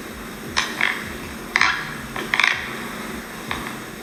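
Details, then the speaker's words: Night recording of a sleeping person with visible jaw movement, shown as an example of sleep bruxism: brief scraping, clicking bursts of teeth grinding; sleep bruxism. "eos de una persona que está en la noche durmiendo y en donde uno puede encontrar este ruido asociado que es muy característico"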